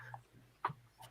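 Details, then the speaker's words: Adult who can easily make their jaw click at will; a single short, dull click over a low electrical hum: jaw click. "my jaw clicks as well I can make my jaw click really easy you can make your jaw click"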